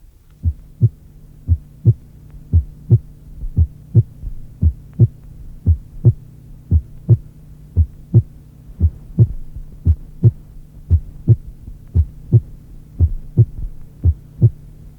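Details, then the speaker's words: Soft, muffled first heart sound produced when the atrioventricular valves have drifted toward closure and are partly tensed at onset of ventricular contraction; audio from a 1981 cardiac auscultation teaching course. "Si les valves sont revenues vers leur position de fermeture et sont donc partiellement tendues au début de la contraction ventriculaire, le bruit produit est très atténué et assourdi."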